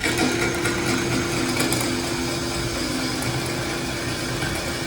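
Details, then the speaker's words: Powered reamer flattening the glenoid socket on a sawbones shoulder model during a reverse shoulder arthroplasty demonstration: steady motor whine with grinding. "Okay, and then once we set that pin, okay, then we'll use a second reamer to kind of freshen the bone and make everything flat right here. All right, so then we ream down the socket just to make it nice and flat."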